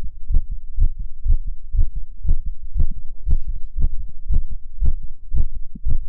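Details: Male heartbeat in an ASMR recording: rapid, steady low thumping at roughly 118 beats a minute, each beat a quick double thud; a fast heartbeat.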